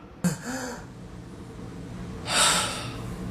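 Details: Acted, simulated sneeze that doesn't come in a comedy skit: a sharp inward gasp as before a sneeze, then a breathy exhale with no sneeze following.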